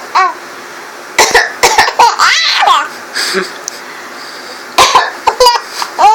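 Several short bursts of dry adult coughing in clusters, with a baby laughing between them.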